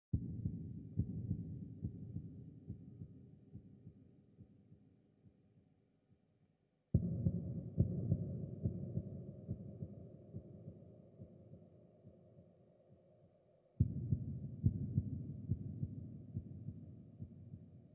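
Slow, deep, muffled heartbeat thumps at roughly 70 a minute, fading away and restarting twice, from a sound-effect recording.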